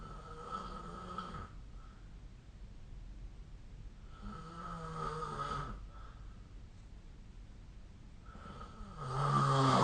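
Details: Rhythmic rattling snores on inspiration, about three in ten seconds with quiet gaps between, recorded during sleep with the SnoreLab smartphone app.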